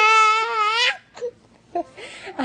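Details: Baby girl playfully pretending to sneeze with her mother: a sustained high, tonal infant wail of about a second, then quiet breathy sounds and a brief soft vocal burst; infant cry.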